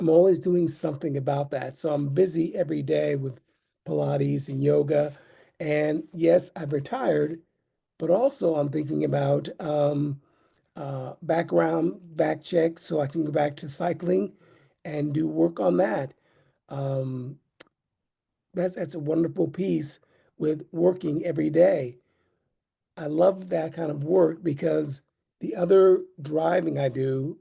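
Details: Adult man with aphasia after two mini strokes in 2016; now retired and disabled.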